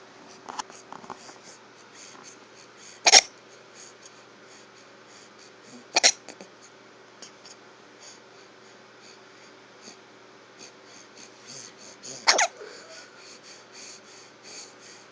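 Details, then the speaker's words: Brief, sharp hiccup sounds every few seconds over a steady background hiss, with no tonal wheeze, until the hiccups seem to stop; hiccups. "Are they gone? I think they're gone. No more hiccups."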